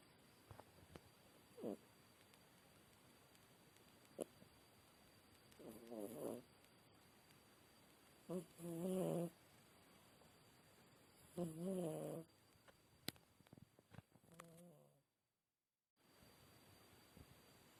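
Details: Sleeping cat snoring: soft, regular snores over about five breaths in a quiet room.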